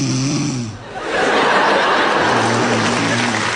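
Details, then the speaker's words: Wife snoring in bed at night beside her husband: loud, rough, rattling breathing noise sustained over several seconds with a low vibrating tone; snoring. "Ты снова будешь храпеть? Я больше не смогу спать."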